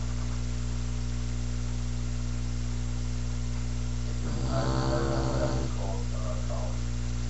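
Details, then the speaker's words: Adopted small dog, Daisy, sleeping; against a steady electrical hum, one loud, fluttering snore on the in-breath with a fainter trailing sound: snoring, described as habitual and loud. "Mama, Daisy, are you okay? You've been snoring so much, Daisy."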